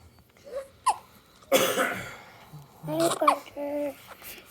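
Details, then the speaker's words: Hiccups in a newborn baby: short, sharp catches in the breathing with soft baby noises between them. "parker's like get rid of these hiccups"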